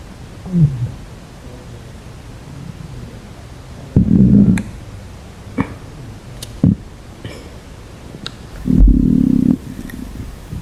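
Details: Several loud gurgling, rumbling bursts with quiet gaps between, from a girl's stomach; stomach growling (borborygmi).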